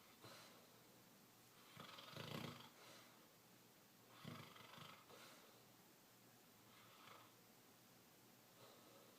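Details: Snoring during sleep: soft, rough breathing noises recurring irregularly in a quiet room.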